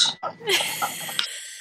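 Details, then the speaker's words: Sleeping dog snoring next to a microphone: brief rough, snorting breath against faint room noise. "Yes. It is actually a dog snoring."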